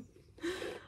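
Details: A single brief, rough snorting breath from a dog sleeping on his owner's bed in the morning, after a moment of quiet; snoring.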